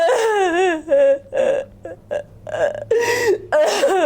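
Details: During a fascia healing session, a woman lying on her side gives a run of loud, voiced, croaking burps, several in about four seconds: repeated belching.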